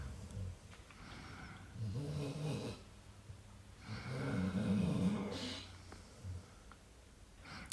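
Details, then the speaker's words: Female dog sleeping in the background: two rough rumbling snores a couple of seconds apart over quiet room noise; ordinary snoring. "Also listening to my dog snore in the background. Don't know if you can hear her."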